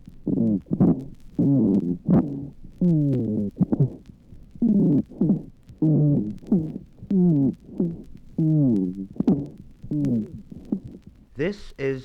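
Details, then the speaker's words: Bronchial asthma: sibilant rhonchi on expiration, said to show hypersecretion of mucus, following sibilant rhonchi on inspiration and hyperinflation at the end of expiration: expiratory wheeze. "and now listen to the sibilant rhonchi on expiration presence of the rhonchi demonstrates the hyper secretion of mucus and our past production"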